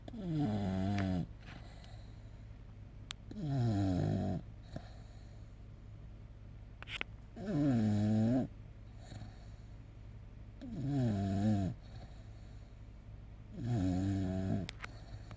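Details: English Bulldog napping and snoring very loudly: rattling, throaty snores about 19 times a minute against a steady low room hum; heavy snoring.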